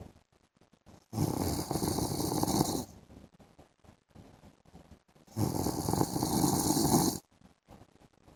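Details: Adult man (husband) snoring in the afternoon: two long, loud, rattling snores about four seconds apart with quiet breathing between.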